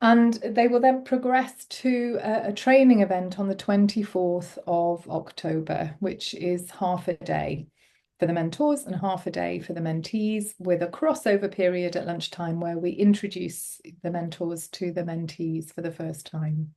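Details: Adult speaker; typical speech.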